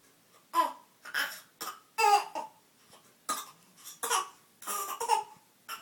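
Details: Young child making a run of short, light, deliberate fake coughs to get attention, not caused by illness; voluntary cough.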